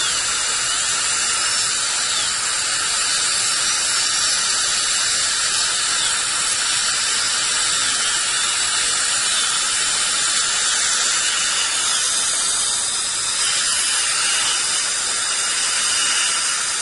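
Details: Steady high-pitched dental drill whine with water spray hiss, unbroken, while adjusting a too-tight contact on a replacement bridge, upper left; patient had a loose, roughly 12-year-old bridge with a hidden root infection.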